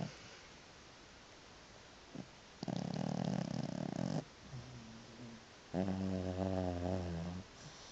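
Loud, rough snoring breaths with a rattling inhale and a buzzing snore, over low room noise; a sleeping cat snoring.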